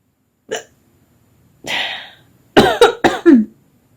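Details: A person at the tail end of a hiccup bout, tired and yawning before a nap: a sharp hiccup, then a breathy exhale and a few short voiced catches as the hiccups fade.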